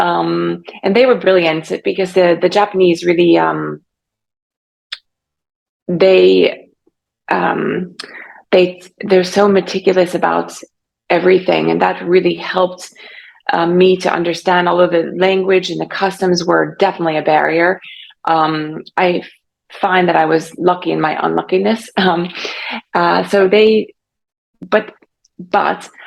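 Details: Aphasia in an adult woman about 3.5 years after a stroke caused by carotid artery dissection; aphasia was severe early on, persists, and she is still in speech therapy.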